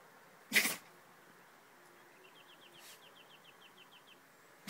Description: Standard Schnauzer dog can´t stop sneeze.